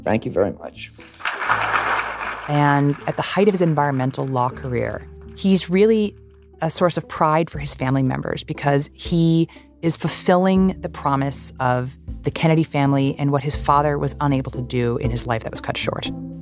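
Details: Adult narrator; normal voice.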